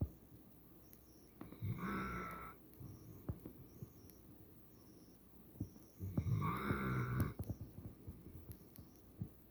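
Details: Two loud, rattling snores several seconds apart, with quiet breathing and faint clicks between; snoring at about 13 breaths a minute.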